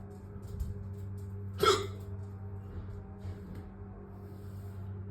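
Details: Single abrupt voiced 'hic' from an adult over a steady low hum, part of a self-induced bout of hiccups lasting about 20–25 minutes in total before stopping.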